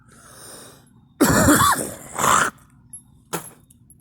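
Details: Adult coughing during allergy season with tree and grass pollen: two harsh coughs with some throat clearing, followed by a short sniff or snort.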